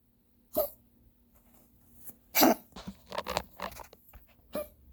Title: Spike coughing